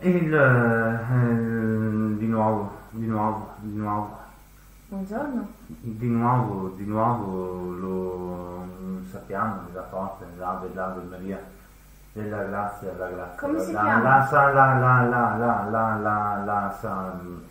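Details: Acted portrayal of acquired Wernicke-type aphasia, comprehension worse than fluent, apragmatic, torrential verbal production; not dementia, though it can manifest in frontal, frontotemporal or Alzheimer's dementia; Wernicke's (sensory) aphasia.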